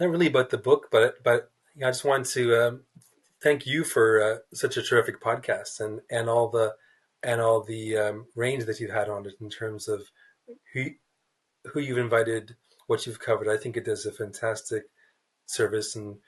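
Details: Stuttering in an adult man, a writer who describes himself as a person who stutters, speaking in a podcast interview.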